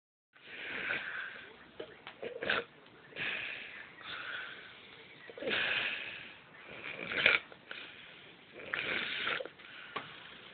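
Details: Irregular, overlapping whistling and snorting breaths with sniffs and snorts, roughly 37 a minute, from three sleepers snoring together; snoring.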